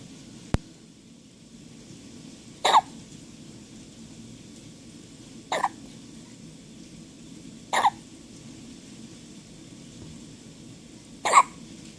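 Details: Newborn about half a day old hiccupping: four short, sharp hiccups a few seconds apart over steady room noise.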